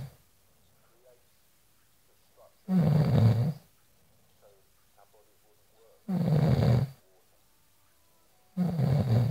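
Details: Person asleep snoring: loud, low rattling snores about every three seconds, separated by quiet pauses; ordinary snoring.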